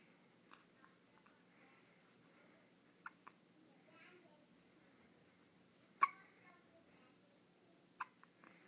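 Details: Ten-day-old baby with hiccups: a few soft, sudden clicks in a quiet room with faint talk nearby; hiccups.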